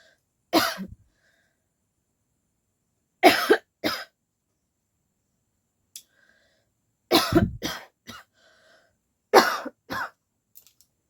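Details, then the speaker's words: Deliberate coughing challenge by a woman without a cold, who says it is starting to turn into real coughing: short, dry, forced coughs in small clusters with silent gaps, about ten bursts; voluntary cough. "अब सचमुच खा रहा है सचमुच का खासी आ रहा है अभी सचमुच का खासी आ रहा है यार"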